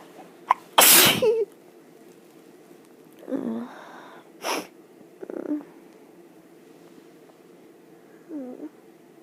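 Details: Sneezing in bed: one loud explosive sneeze followed by a few smaller sneezes and sniffs in a quiet room.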